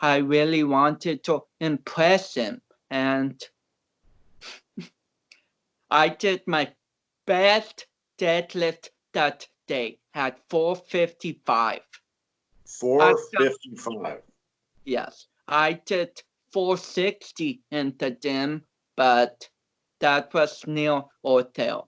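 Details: Speech of a man of about 29 with cerebral palsy, an athlete and powerlifter whom doctors had not expected to walk or talk.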